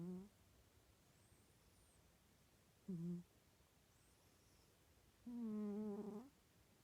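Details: A domestic cat snoring during sleep, recorded quietly.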